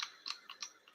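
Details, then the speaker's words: Objective tinnitus from palatal tremor: sharp, dry clicks repeating several times a second, audible to others, accompanying involuntary movement in the palatal region. "temblor palatino mira, oyes los clics, y existe aquí mira, este movimiento involuntario en esta región, ¿está bien?"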